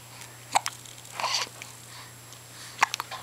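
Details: Baby hiccups in the morning while an adult talks to the happy infant: two brief, sharp catch sounds about two seconds apart over a low electrical hum.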